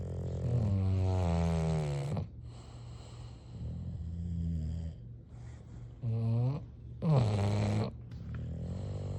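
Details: Sleeping English bulldogs snoring: deep, rumbling snores with snorting catches over several breaths in a row.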